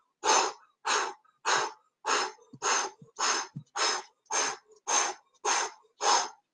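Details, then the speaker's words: Vocal imitation of a mitral regurgitation (mitral insufficiency) murmur at the mitral area: steady high-pitched blowing whooshes, about 105/min, no lub-dub; described as heard at apex, radiating to axilla, increasing with squatting. "here it says it's high-pitched blowing and it sort of PA apex and a radiator radiates to the axilla and increases with squatting"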